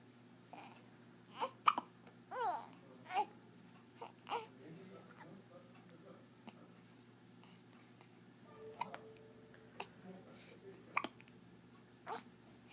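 Repeated short, abrupt hiccup sounds at irregular intervals, mixed with infant babbling and brief fussing.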